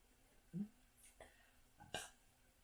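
A low, voiced burp followed by two short, catchy gulping sounds, like burps mixed with hiccups.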